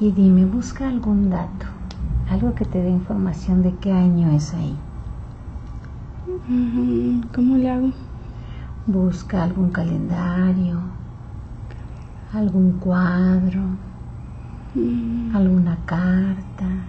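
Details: Adult speaker; no speech disorder.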